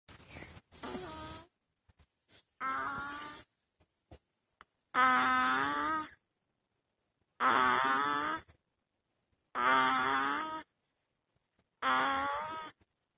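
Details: 3-week-old baby girl snoring: soft, squeaky, voiced snoring noises recurring with each breath in a quiet room.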